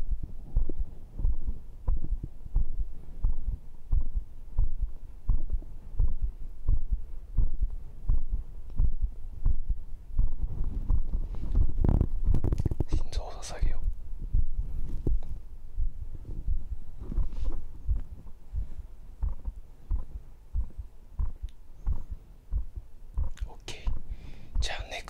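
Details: Own heartbeat recorded with a microphone after a muscle-training circuit (dips, abs, cross pulls, arm curls); rate stated at 98–104, then calming to 88. Regular, strong low thumps at about 86 a minute: an elevated heart rate after exercise.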